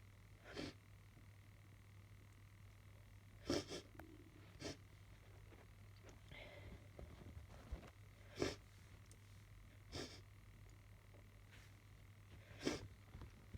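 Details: Person sniffly and sneezing all day, suspecting hay fever or allergies: several short, sharp sneeze bursts ("hup") against a steady background hum.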